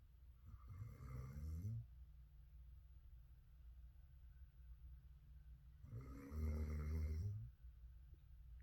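Two slow, low, rattling snores about five seconds apart from a sleeping dog, with quiet room hum between.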